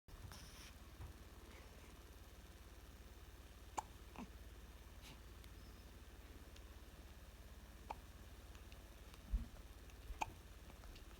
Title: GP hiccups